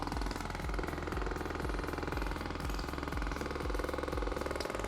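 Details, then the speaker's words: Percussive vibration device (V-actor, Theragun-like) running before radial pressure wave (shockwave) therapy, with dry needling for recovery: steady mechanical buzzing with rhythmic low thumping about 140 a minute. "So this is just what we call a V-actor. This is not much different than a Theragun. It's sending vertical waves into the tissue, which essentially is helping kickstart the metabolism before we actually take the shockwave to it."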